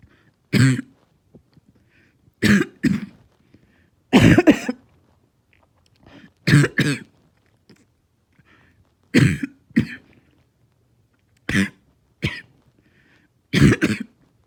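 About eight harsh, hoarse coughs, single or in pairs, with pauses between; a barking cough.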